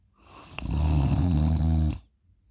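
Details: Loud snoring: a single loud, deep, rattling snore lasting about a second and a half, in a quiet room.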